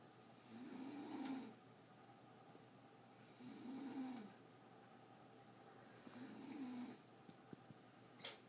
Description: My mom said she never snores..here is the proof..I was told to delete this from my phone, I did after I posted her on youtube :)